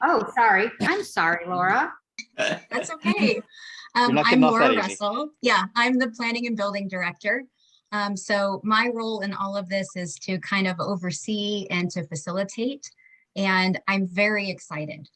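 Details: Adult woman; typical speech.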